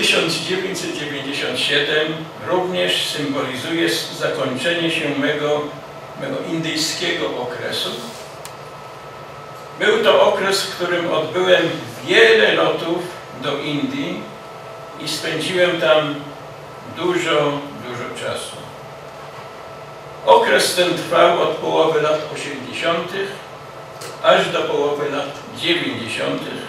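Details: Adult man who has stuttered since childhood and still stutters despite many therapies, reading a lecture aloud in Polish; stuttering.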